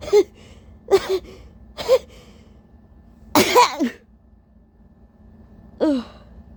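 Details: Adult with allergies bothering the nose all day gives tissue-induced sneezing: three breathy, catching buildup gasps, then a forceful uncovered sneeze and a trailing vocal sound.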